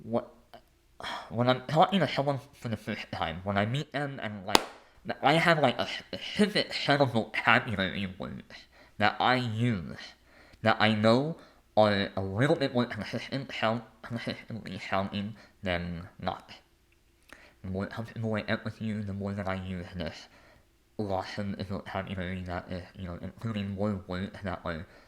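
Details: Adult male with a lifelong speech impediment; disfluent speech.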